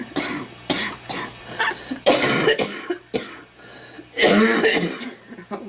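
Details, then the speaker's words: Girl who smokes homegrown tobacco, saying it hurts and feels like something is in there: a run of harsh, repeated coughs with strained throat-clearing, a coughing fit. "But it's just a different kind of cough. What? Oh yeah, you can tell I have something in there."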